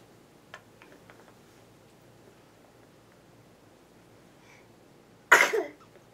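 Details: Sneeze: a quiet room, then a single sudden explosive sneeze near the end.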